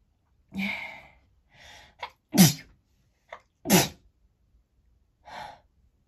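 Several sharp, explosive sneezes, each with a quick breath in before it, separated by quiet pauses; repeated sneezing.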